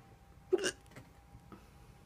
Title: Slo-mo hiccups